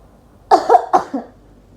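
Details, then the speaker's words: Two or three short, deliberate coughs in a nursing-student role-play of effective coughing taught to clear the airways and ease breathlessness; voluntary cough. "saya akan membantu B untuk batuk efektif yang bertujuan untuk mengeluarkan udara dari paru-paru dan saluran nafas Bapak sehingga dapat menurunkan sesak nafas"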